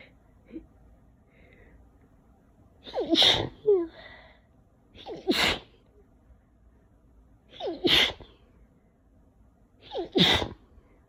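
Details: Four wet, forceful sneezes from a person sick with a cold in June, each preceded by a short indrawn breath and spaced a few seconds apart; repeated sneezing.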